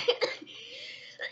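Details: Two quick dry coughs from a child, a brief pause, then another faint cough onset, during a day at the gymnasium with lots of coughing.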